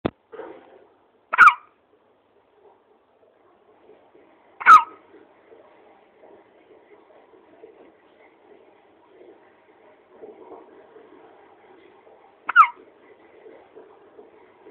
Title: has the Hiccups